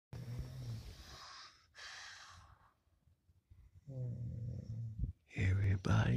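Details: Low, rattling, snore-like sounds performed within an original sung piece about snoring: simulated snoring, not real sleep.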